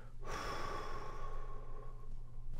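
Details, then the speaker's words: Imitated inspiratory stridor demonstrated in discussing abductor spasmodic dysphonia after Botox: a single quick, loud, whistly in-breath of about two seconds, with some vocal noise that cannot be abolished. "when you when you pull the areir in quickly that's what makes the noise you don't need to be particularly loud but there needs to be a little bit of that vocal noise that you can't abolish"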